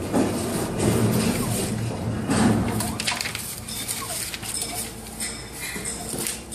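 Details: MSLAB07 automated blood analyzer running its start-up cycle after reagent and tubing setup. Irregular mechanical whirring, clunks and rattles.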